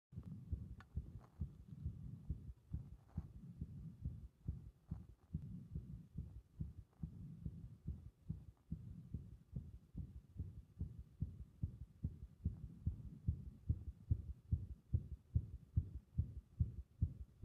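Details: Heart with repeated arrhythmias triggered by compression: fast, uneven low heart thumps, about 140 a minute, with irregular spacing.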